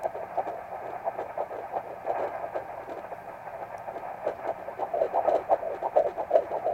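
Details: Fast, whooshing pulsed fetal heartbeat around 170 beats a minute with static hiss, recorded at 13 weeks of pregnancy with a home Doppler ultrasound device.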